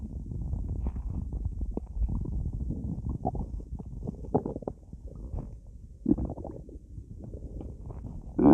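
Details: Person lying in bed after drinking a lot of soda: loud, continuous low gurgling and rumbling with bubbling pops as gas and fluid move; bowel sounds.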